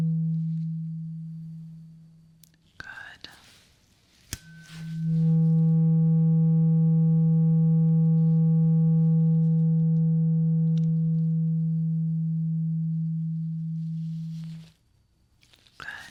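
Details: Simulated ASMR ear exam and hearing test, listener told to close eyes and say when the sound stops: a tuning fork is struck and rings as a steady pure hum for about ten seconds, fading, with soft whispering; roleplayed hearing test tone.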